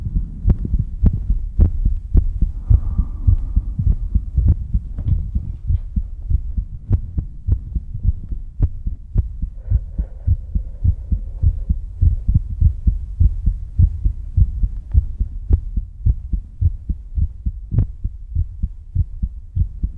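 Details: Loud steady low thumping heartbeat, about 105 beats a minute, panned left to center to right with a faint hum behind it; ASMR heartbeat recording.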